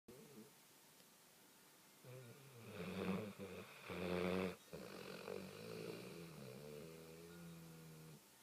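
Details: Quiet, low, fluttering snore sounds on slow breaths, soft and somewhat uneven: light snoring.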